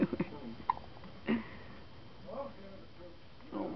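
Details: Baby with hiccups: several short, abrupt hiccup sounds with soft vocal noises between them and an adult voice nearby.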